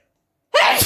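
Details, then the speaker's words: Pepper-induced sneeze after months out of practice: brief silence, then a single loud explosive sneeze, cut off at the end, described as a good first sneeze back. "that was a good one good first knees back on jam on camera back on YouTube"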